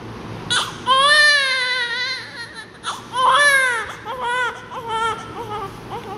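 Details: Newborn crying loudly 30 seconds after birth, in strong, high-pitched bouts, a healthy first cry showing good breathing.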